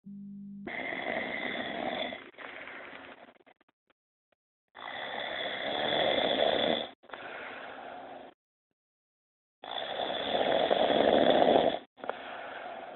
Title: "I never snore!" Hahaha